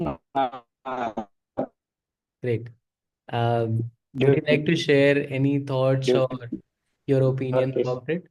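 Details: Adult man who self-identifies as a person who stutters and says he is very ashamed to stutter in front of people; real, unscripted speech showing stuttering.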